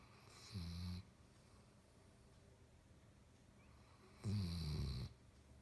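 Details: Basset hound snoring: two deep, low rumbling snores separated by a quiet pause; ordinary dog snoring.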